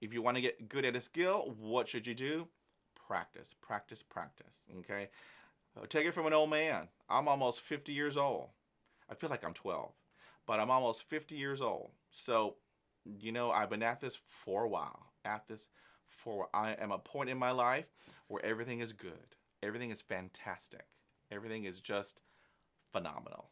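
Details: Stuttering in a man of almost 50 who has had about 20 years of speech therapy, hypnosis and mindful meditation and takes no medication, managing it with practised techniques such as stopping and breathing at blocks.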